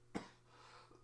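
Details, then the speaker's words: One short, soft cough in a quiet room from someone who has been sick about a month and a half with a lingering cough that others around him also have. "I just want this cough to be gone. I swear it can't. But supposedly everybody around me has this cough now, so I don't know."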